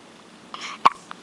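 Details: Hiccups: a single sharp, abrupt hiccup after a soft breath sound.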